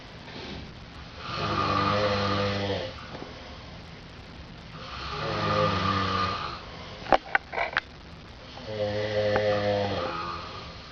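Loud, rumbling snores on each breath in, about 16 a minute, with quiet gaps between and a few brief clicks in the room.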